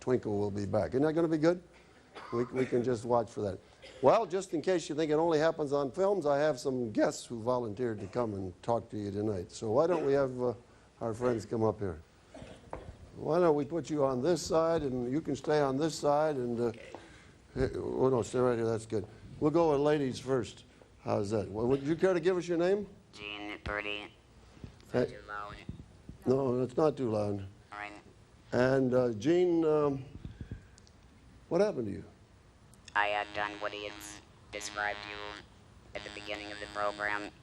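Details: Woman using an electrolarynx, a battery-powered device held against the throat, after laryngectomy followed by radiation and chemotherapy; electrolarynx speech after laryngectomy.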